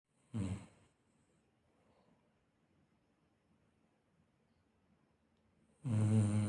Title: Lallu snoring (लल्लू घर का चौकीदार, चौकीदारी भूलकर बड़े मज़े से सो रहा है।)😂